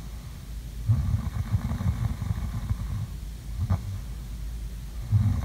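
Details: ASMR sleeping-sounds recording: deep, low, rough rumbling breaths rising and falling, snoring during sleep.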